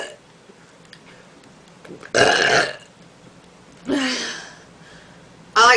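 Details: Girl burping voluntarily for fun without soda, trying to burp the alphabet: two long, loud, voiced belches and the start of a third in a small, quiet room.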